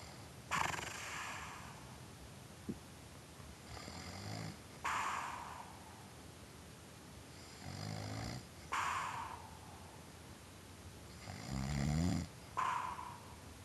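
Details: Snoring in a sleeping dog: loud rattling snorts on in-breaths and airy, whistling out-breaths, about 16 breaths a minute.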